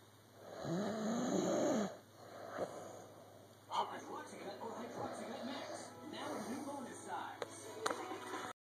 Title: Snoring